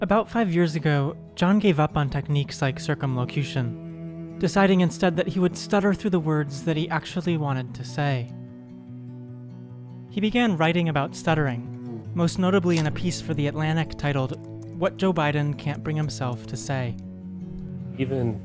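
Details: Adult narrator; fluent narrator speech.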